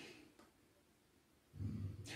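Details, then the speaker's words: A quiet room, then a low, rumbling snore from the speaker's sleeping dog during a French talk: ordinary dog snoring. "si vous entendez un ronfleur c'est mon chien je le fais taper"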